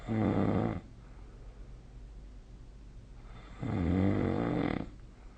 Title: 🐽 いびきの音 / Snoring Sleep Sound 2025/05/26